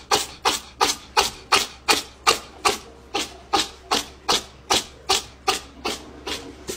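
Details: Cat sneezing intensely: sneezes.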